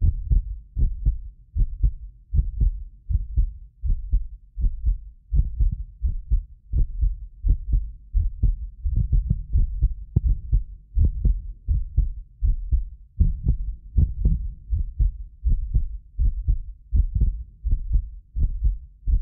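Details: Heartbeat of a medically fit adult recorded with more than six precision contact microphones; steady regular beat at about 80 a minute, occasional doubled click from a 6 ms microphone delay; normal heart sounds.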